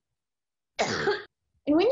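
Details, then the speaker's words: COVID-19 cough example from a cough-sound research database: two short, somewhat voiced adult coughs that sound slightly wet rather than dry, with wet versus dry described as a sliding scale. "hear that it actually kind of sounds wet like at least for me when i was listening to it and that was what sort of brought me to the idea of investigating this coving 19 cough as to if it is dry or if it is wet"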